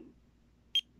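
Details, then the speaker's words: Pulse oximeter alarm at night in an adult with sudden stabbing head pains and oxygen problems since weaning off a medication, sitting at an angle: a single short, high-pitched beep; low-oxygen alarm. "i started suddenly feeling stabbing pains in my head popped on the meter popped on the oximeter oxygen meter and it started beeping"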